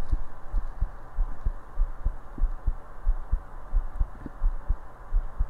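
Rapid low thumping heartbeat, roughly 90 a minute, over steady rushing background noise.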